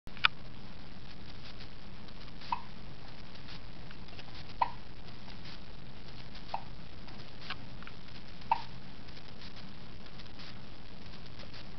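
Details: Pet hiccups: small sharp clicks every two seconds or so over steady room hiss.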